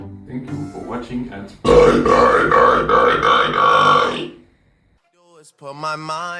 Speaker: burp excuse me the not so polite burp excuse me